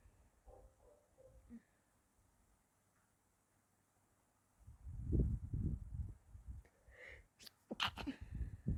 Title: mixed sneezes